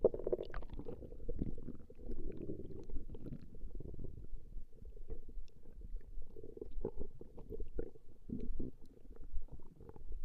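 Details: Female's stomach growling recorded over a 20-minute session: steady low rumbling with irregular gurgles and small pops throughout, harmless borborygmi.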